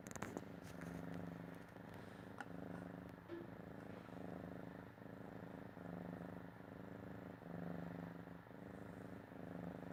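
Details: Cat asleep: soft, steady rumbling breaths swelling and fading about every two seconds; snoring.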